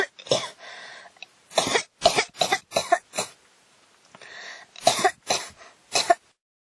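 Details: Cough that won't stop: about nine dry cough bursts in quick runs with breaths between, quiet room; cough.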